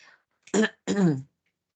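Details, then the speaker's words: Two harsh, barking, seal-like coughs, as heard in laryngeal papilloma or laryngotracheitis with acute laryngeal edema, where the patient seems to be choking; barking croup cough. "Con una tos quintosa, ¿sí? Tosen como foca. Así respira el paciente con papiloma laringio o con laringotraqueitis."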